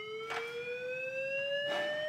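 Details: Paramedic training demonstration of synchronized cardioversion on a defibrillator, pads on, dose selected and sync mode on: steady electronic tone rising slowly in pitch with faint beeps as it charges.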